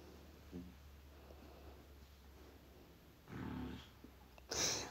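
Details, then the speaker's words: A sleeping dog snoring close to the microphone in a quiet room with low hum: rough, buzzing breaths and a sharp snort; normal snoring. "Oui, vous entendez Théo ronflé, hein, c'est normal. Il n'est évidemment pas très loin."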